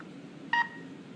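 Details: A single short electronic beep from an SK-500I syringe pump as the stop and power buttons are pressed together to enter calibration for a 10 mL syringe; normal key beep.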